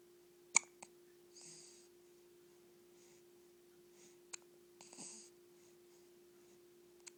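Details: Baby hiccups: several short, sharp hiccup clicks a few seconds apart, with soft breathy sounds between them and a steady low room hum.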